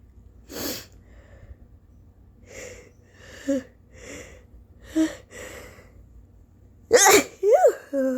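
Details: Early-morning sneezing attack in an exhausted person with a very snotty nose: series of sneezes and sniffs ending in a loud forceful sneeze.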